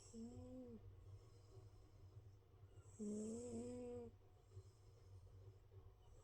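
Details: A big male domestic cat, sound asleep, with soft, low, rumbling breaths and a louder, buzzing, tonal snore on one breath; the snoring gets louder; cat snoring.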